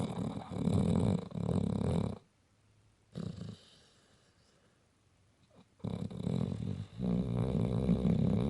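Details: Pit bull with unusually loud natural, unenhanced snoring: loud, rattling, growly breathing noises in long bursts with quiet pauses between, heavy snoring from a sleeping dog.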